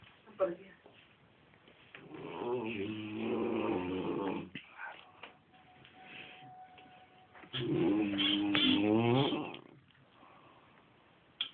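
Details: Snoring heard from another room, likened to a hibernating bear: two long, loud, rumbling snores with a droning, almost voiced tone, about five seconds apart, quiet breathing between.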